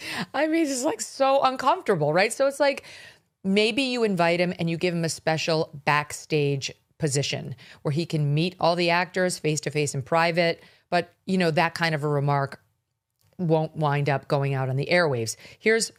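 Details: Adult speaker; normal speech.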